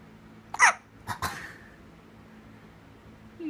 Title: Baby hiccups!